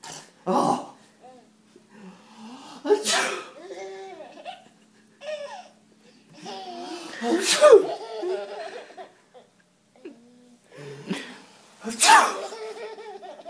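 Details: Father sneezing: several loud sneezes every few seconds, each followed by an infant girl's delighted laughter.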